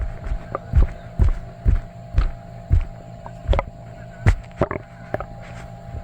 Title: Sloshy stomach noises after drinking milk and eating cheesy foods